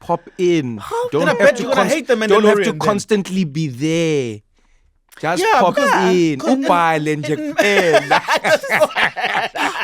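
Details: Adult speakers in conversation; typical speech.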